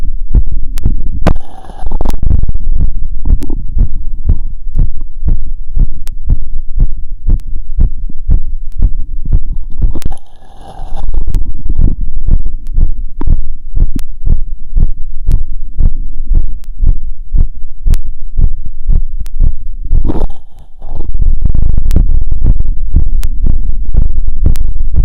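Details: Fast, regular heartbeat through a stethoscope after a 2 km run, about 118 beats a minute, with normal heart sounds; normal heart sounds after exercise.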